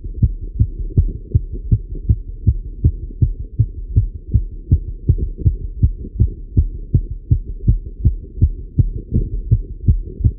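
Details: Male heartbeat recorded while riding a bike: strong, regular low thumps, roughly 160 a minute, with a steady hum behind; normal heart sounds with exercise tachycardia.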